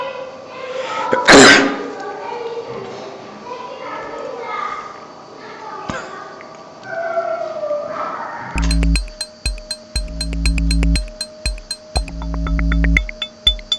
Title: Please sneeze